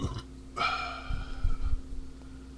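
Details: A man burping a lot while drinking beer: one loud, sustained belch followed by low grunting sounds, with a steady hum in the background.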